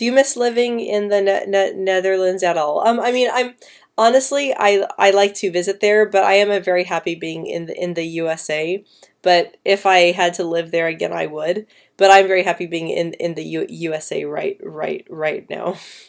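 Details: Female speaker who stutters, answering live questions, with audible word repetitions; stuttering.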